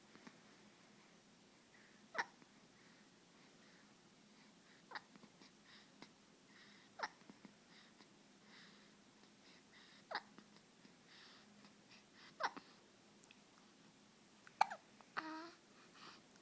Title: Baby hiccups 2